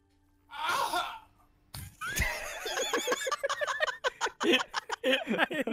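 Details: A loud, explosive sneeze during Rainbow Six Siege gameplay, followed by laughter and chatter over the game audio.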